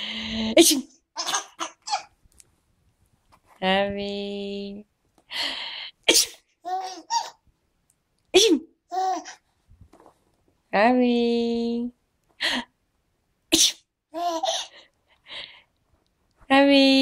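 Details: Several sharp adult sneezes, each followed by a baby's bright giggles and squeals.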